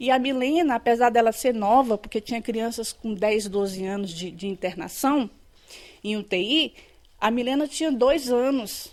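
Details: Adult woman speaking Portuguese; ordinary speech.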